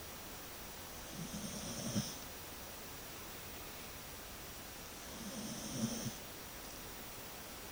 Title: And let us not forget the snoring